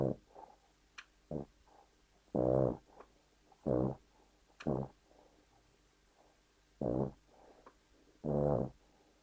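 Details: A 3-year-old Cavalier King Charles Spaniel fast asleep gives loud, rough, buzzing snores at irregular intervals, about six in nine seconds, with soft breaths between; snoring.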